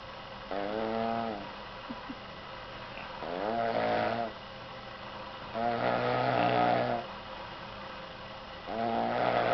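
Rhythmic loud snores with a buzzing, vibrating quality on each breath, about 22 a minute, with quieter pauses between.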